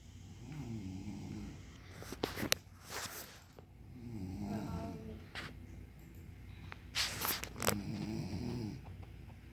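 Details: Mother asleep, snoring loudly with rough snores in uneven cycles, some rattling and fluttering, with quieter breathing between; ordinary snoring.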